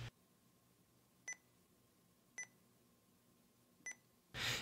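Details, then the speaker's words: Sapphire infusion pump being programmed for a weight-based dopamine infusion (70 kg, 10 mcg/kg/min), selecting the dose unit: three short, sharp electronic keypad beeps about a second apart in a quiet room. "Dopamine is administered in micrograms per kilogram per minute, so tap the corresponding button."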